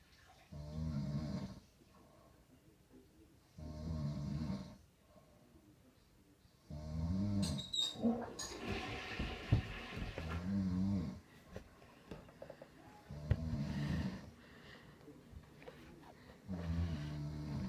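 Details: Adult human snoring, jokingly likened to a hibernating bear: loud, rough snores on each in-breath, about 5 per half minute, with quieter breathing between and some room noise.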